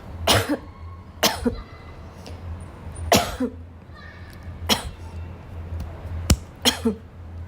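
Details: A girl gives about six sharp, dry coughs over seven seconds, some with throat clearing, in a room with a low hum; repeated coughing.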